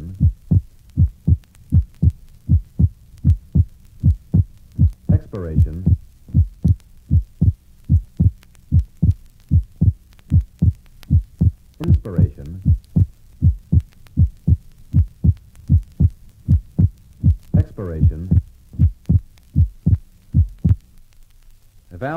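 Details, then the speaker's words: Patient with left bundle branch block, heard at the pulmonic area: steady heartbeat about 78/min. The second sound splits wider on expiration than inspiration (paradoxical splitting). "splitting at the pulmonic area is wider on expiration than inspiration paradoxical splitting is now heard in a patient with left bundle branch block refer to figure 29."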